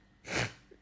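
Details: A female giving a single short, breathy sneeze against low room noise, from a sneeze compilation: a sneeze.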